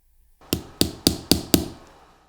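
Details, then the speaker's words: Five sharp, quick knocks as a tamp seats an OSSIOfiber compression staple flush into bone, closing an Akin osteotomy of the big toe (hallux) in a demonstration procedure. "then I'll allow for the release of the staple slide it right off we'll insert our Tamp Tamp it in"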